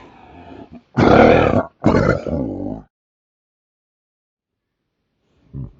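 Two loud, harsh, rasping cough bursts followed by a groaning exhale, then silence and a faint sound; coughing during sleep.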